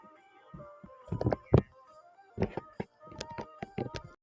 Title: about to get Katrina from animal crossing having a bad coughing fit won't be posting for a while